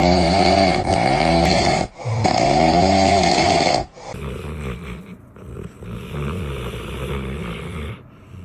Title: Dog sleeping and snoring #dogs #pets #cuteanimals #dogshorts #funny